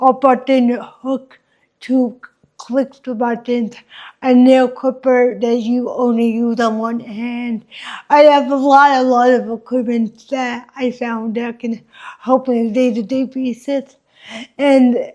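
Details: Adult woman with cerebral palsy from oxygen loss at birth, right side weaker, affecting her walking, face, mouth, drooling and speech; the host notes listeners may struggle to understand her; dysarthria (cerebral palsy).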